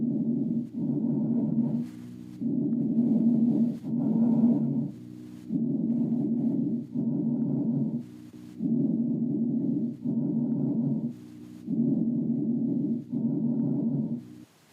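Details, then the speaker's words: Bronchial breath sounds: loud, hollow, tubular high-pitched breathing about 19 times a minute, with a longer expiratory phase than normal. "you notice that the expiratory phase was longer in that example than in the normal example I played for you before in addition to the expiratory phase being longer the breath sounds were more Hollow like float through a tube"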